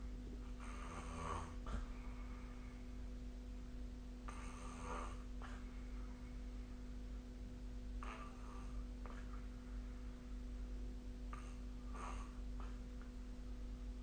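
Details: Snoring during sleep, recorded with the SnoreLab app: four rough, rattling snores about every four seconds, roughly 16 per minute, over a steady room hum.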